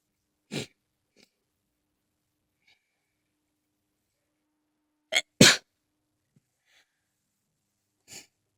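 Several sharp, explosive bursts in a quiet room, including a close pair in quick succession: a fit of sneezing.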